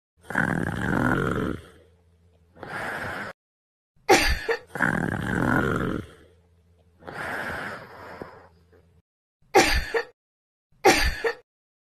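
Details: Boyfriend sleeping while sick; rough, throaty snores on breathing in, with a few sharp snorts between them, from a sleeping adult. Snoring.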